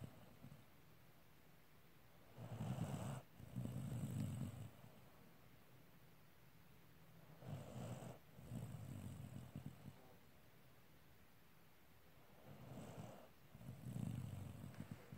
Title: snoring pack